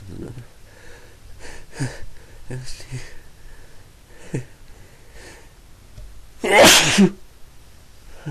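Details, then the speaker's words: Person who has been sneezing repeatedly all day: soft breaths and quiet sounds, then one loud, explosive sneeze near the end. "I'm not done yet I'm to sneeze again excuse me I sneeze all night"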